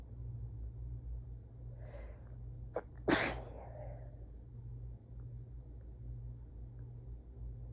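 An audible in-breath, then one sharp sneeze over a low steady room hum.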